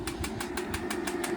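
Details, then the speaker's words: Rapid, regular sharp clicking pulses, about six a second, over a steady hum from a shockwave therapy device on a 5-year-old, 16.3-hand off-track Thoroughbred in rehab; treating the pelvis at raised intensity, nearly 1,500 shocks. "going to go up a little higher on the shock yeah you could hear that now if it's too intense I can go down and we are at almost 1,500 shocks because we're doing it on the pelvis"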